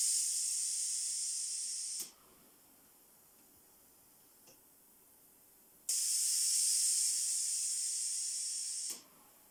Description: Pressure testing of a low-cost ventilator prototype, using a Pneumatic valves to help in the fight against Covid-19